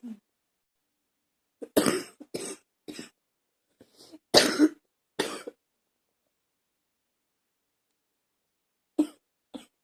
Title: #70 coughing again